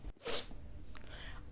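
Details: Comedy skit, likely staged: a dad sneezes, a single sharp explosive burst after a brief silent catch, with faint room noise afterward.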